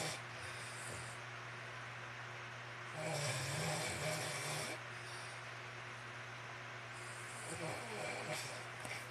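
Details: Snoring contest between a man (the louder snorer) and a female pet ("furbaby girl", the later snorer): a steady background hum with a louder rough, rattling snore on inhalation, then a quieter one.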